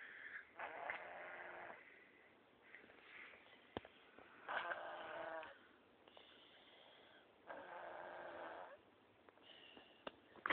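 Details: Soft rhythmic snoring, about three rattling breaths over ten seconds, in a quiet room: ordinary snoring.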